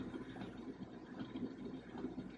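Steady low motor hum with a faint rhythmic pulsing as an electric breast pump runs.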